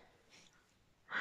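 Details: Tourette syndrome tic attack on the couch before work, ongoing 10–15 minutes and tiring: soft breathing, then a sudden loud, sharp, breathy vocal burst; a vocal tic.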